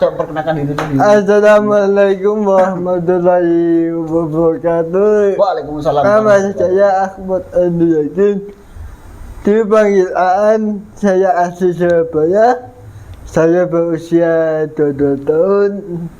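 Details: 22-year-old man with cerebral palsy (physical disability); dysarthria (cerebral palsy).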